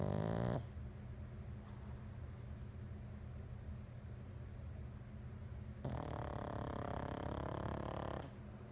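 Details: An 8-month-old pug snoring.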